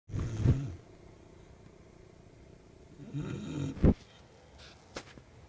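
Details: Snoring recorded 29 Dec 2013, 07:03: two low rumbling snores a few seconds apart with a quiet pause between them; ordinary snoring.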